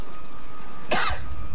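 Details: A character in a film scene (Planet of the Apes) gives one loud, forceful sneeze on another character, over a steady hum; sneeze.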